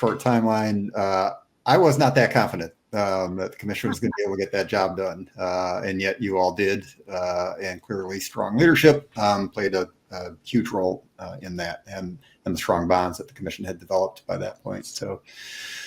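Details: Adult man speaking; Normal conversational speech.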